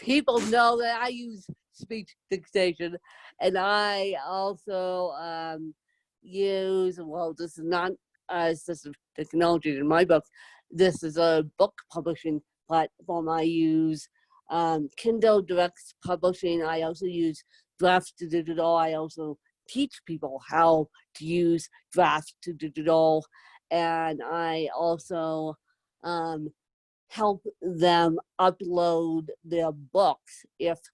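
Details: Adult woman with moderate to severe cerebral palsy, needing help 24/7; whether her own speech is impaired is not stated; dysarthric speech in cerebral palsy.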